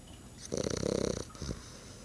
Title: Snores